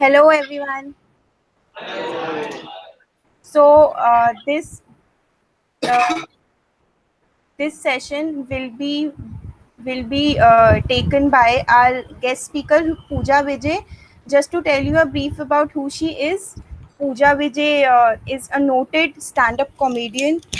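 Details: Adult woman, a stand-up comedian with a self-described stutter since growing up, reportedly stuttering more on stage than in conversation; stuttering.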